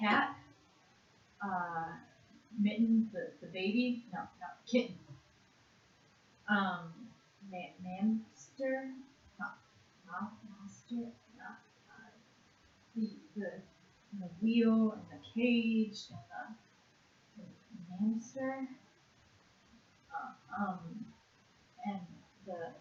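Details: Severe conduction aphasia in a 56-year-old woman after a single stroke to the left hemisphere in June 2012, worse with stress; word fluency task naming animals in one minute; conduction aphasia.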